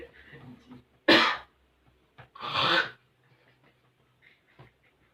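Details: Adult male patient performing two forceful, deliberate effective coughs after a deep breath, as instructed during chest physiotherapy, to clear sputum into a kidney dish; controlled effective cough in a quiet room.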